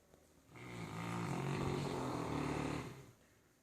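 A single long, rumbling snore that swells and fades over about two and a half seconds, with faint background hiss.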